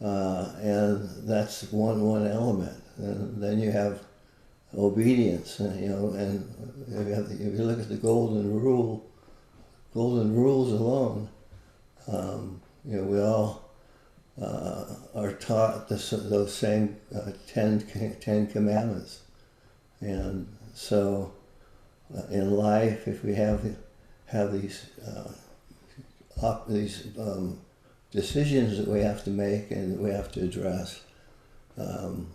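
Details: Adult man with Parkinson's disease, a neurodegenerative disease, for more than 20 years, with visible shakes; Parkinson's disease speech.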